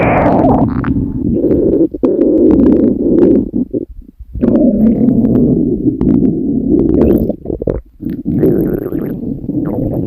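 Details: Long, loud, low growling rumbles lasting several seconds with brief gaps from a hungry female's stomach; normal bowel sounds (borborygmi).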